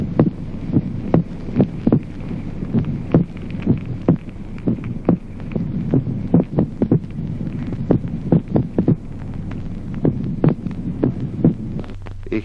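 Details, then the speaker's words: Teaching recording of heart sounds with occasional early ventricular extrasystoles, in which the second heart sound is doubled: split second heart sound with ventricular extrasystoles. "ejemplo duodécimo duplicación del segundo ruido cardíaco en la extrasistolia"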